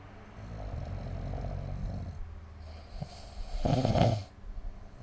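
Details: Snoring recorded with the SnoreLab app: a low rumbling snore on inhalation building to a louder rattling snort, with quiet breathing between.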